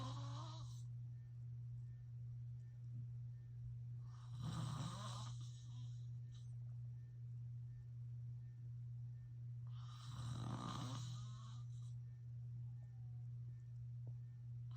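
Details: Adult man (father) snoring during sleep: soft rasping snores roughly every six seconds over a steady low hum.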